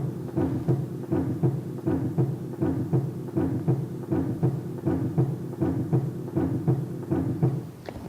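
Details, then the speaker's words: Normal heart sounds auscultated with a stethoscope on a training manikin at the mitral area, fifth intercostal space midclavicular line, nursing-skills demonstration: regular lub-dub at about 80 beats a minute, each lub-dub counted as one beat over one minute. "each one lub-dub current as one heartbeat we count to the heartbeat at for one minute for accurate measurement and detect any abnormalities"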